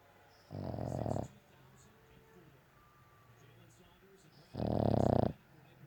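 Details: Sleeping dog snoring loudly: two loud, buzzing snores about four seconds apart with quiet in between.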